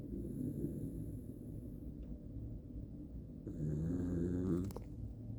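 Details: Rough, low rattling breaths growing louder and ending in a snort, from a sleeping Jack Russell terrier; snoring.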